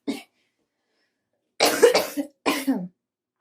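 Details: Adult's morning coughing fit: a short run of harsh, rough coughs in a quiet room.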